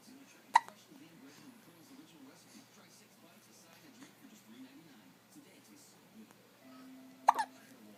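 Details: Infant with hiccups again: two sharp, brief hiccups about seven seconds apart, with soft babbling and quiet room noise between them.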